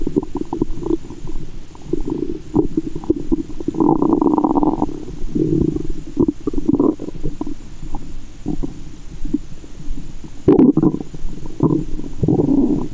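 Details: Adult woman's abdomen heard through a stethoscope in the belly button after candy and fizzy soda: loud, continuous gurgling and rumbling with sloshing; active, normal bowel sounds (borborygmi).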